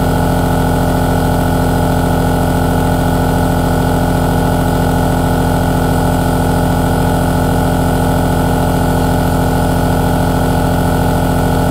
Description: Listen to this 3H aerosol nebulizer relaxing sound, recorded in high quality !!! Baby sleep sound.